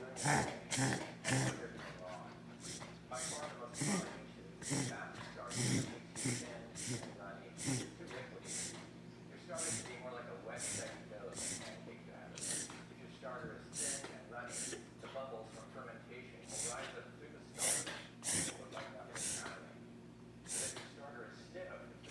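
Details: Pet filmed for the vet, with the owner unsure whether this is reverse sneezing or needs an office visit: rapid, repeated snorting inhalations in a long run; possible reverse sneezing.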